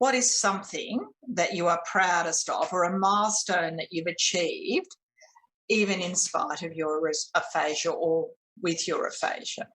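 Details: Adult woman speaking; no speech disorder.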